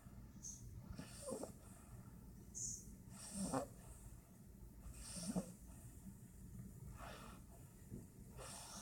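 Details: Cat snoring during a deep nap: soft, rhythmic snorting breaths about every two seconds over a noisy background; snoring.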